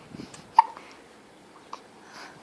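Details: Infant in a quiet room: a sharp little catch sound and a fainter second one; infant hiccups.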